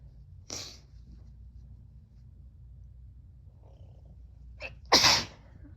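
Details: Unwell pet, likely a cat, sneezing repeatedly: two sharp, hissing sneezes, the second louder, in a quiet room.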